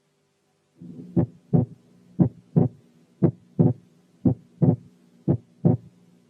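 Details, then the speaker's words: Normal physiological inspiratory splitting of the second heart sound: regular heart sounds near 60/min, S2 split on inspiration and single on expiration. "الحالة الثالثة كانت normal inspiratory splitting of the second heart sound in"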